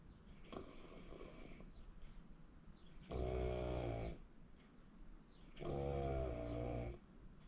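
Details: Person recording their own sleep: loud, rattling snores on each in-breath, roughly every 2.5 seconds, over steady room hiss; habitual snoring.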